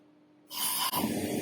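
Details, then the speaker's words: CEPL O2 Engine Mini oxygen concentrator (11-15 LPM) switched on after plugging into a 15 A socket: faint hum, then a sudden loud rushing hiss as it starts initializing; oxygen concentrator starting up. "Okay, so now that we have power, we'll switch on the machine. The green LED will come on and it will start initializing."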